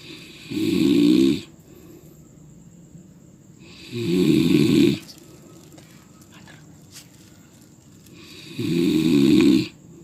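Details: Loud, buzzing, fluttering snores about four seconds apart with quiet exhalations between, in a slow steady breathing rhythm; a person snoring, presented as a funny clip.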